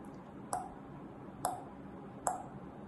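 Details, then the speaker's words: Simulated opening snap and ejection click in a teaching auscultation demonstration: three sharp, high clicks at about 70 per minute, abnormal valve sounds. "لكنه يرش لاوبن سناب لاكشن كليك دي اصوات غير طبيعيه بتحصل مع دي الصمامات ودول"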